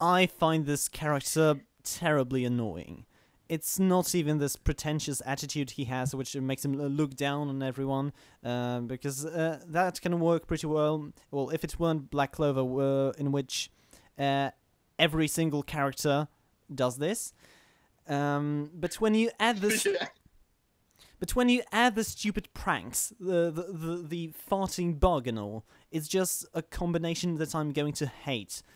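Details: Adult man who stammers, recording while standing to reduce stomach muscle tension; stuttering (stammering).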